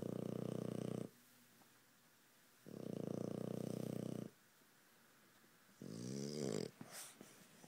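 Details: Dog snoring loudly: rhythmic rattling snores on each breath, separated by quiet pauses, ending with a snuffling breath.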